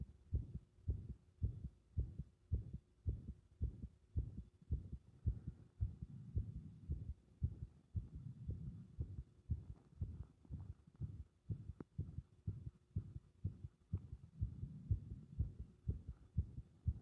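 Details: Compressed (muffled) heart sounds with arrhythmia: heartbeat near 110 a minute with uneven spacing between beats, an irregular rhythm.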